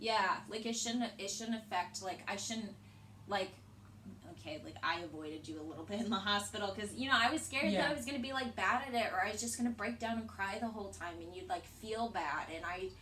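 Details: Adult woman; typical speech.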